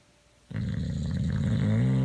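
Low, rumbling, rattling breath noise from a sleeping dog, steady and growl-like; snoring.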